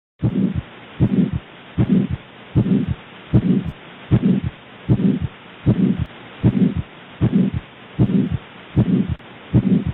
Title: Aortic Stenosis heart murmur YouTube x264 2